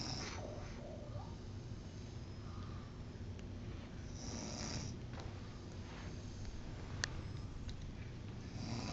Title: The Snoring Beauty